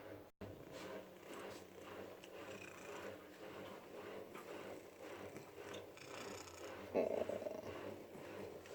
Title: Cute Cat Purring and Snoring at the Same Time